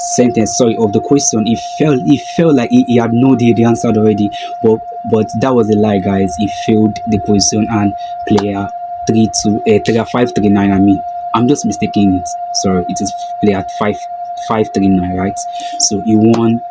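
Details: Man who calls himself a stammerer; this stretch has a broken word and a repeated word; stuttering.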